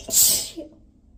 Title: these had so much spray 🤧 #sneezes #sneeze